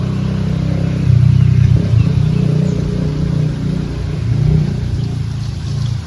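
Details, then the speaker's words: Sick calf examined by a veterinarian, lungs auscultated, especially over one quadrant: harsh, rumbling, sawing, pot-like bubbling sound rising and falling with breathing, from secretions, i.e. coarse crackles consistent with pneumonia. "all the laughter, it's a lot like a pot bubbling, that's also the sound."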